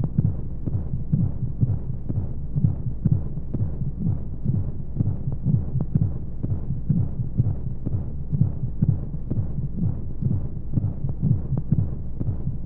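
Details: Womb-sound baby sleep aid: steady muffled low heartbeat thumps in pairs, roughly 60 a minute, over soft white-noise hum; heartbeat as heard inside the womb.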